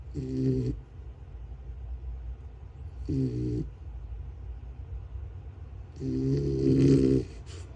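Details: Sleeping mini American shepherd (mini Aussie) puppy snoring "like a tiny tractor": three rumbling, buzzy snores about every three seconds, the last one longer and louder.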